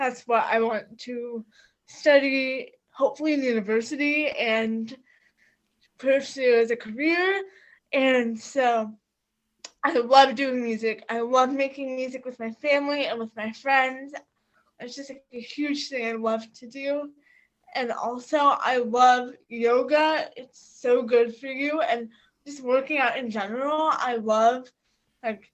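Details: Teenage girl with quadriplegic cerebral palsy from a birth injury, who sometimes has trouble articulating words, with hearing loss in her right ear; mild dysarthria (cerebral palsy).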